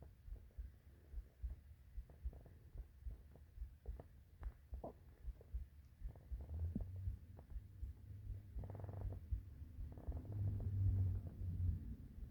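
Soft low rumbling and gurgling that builds into longer growls: hunger stomach growling, a normal gut sound.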